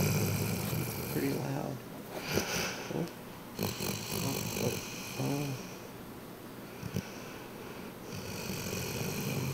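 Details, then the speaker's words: Female Ridgeback sleeping after a long day at doggy day camp and two bowls of food: irregular snorting, rumbling breaths over room noise, recorded close up; dog snoring. "Okay. Let's see if we can record her snoring."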